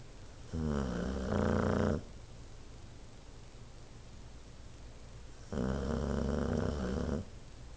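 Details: Two loud, rattling snores, each about one and a half seconds long, about five seconds apart, from a sleeping pet; snoring.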